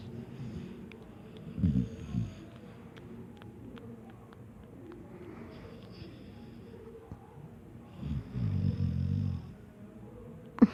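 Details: Dog snoring during sleep; two low, rattling snores several seconds apart, the second longer, with soft breathing between.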